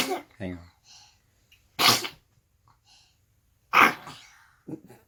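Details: Baby who sneezes every morning: two sharp, forceful sneezes, each with a short breathy tail, with brief voice sounds around them.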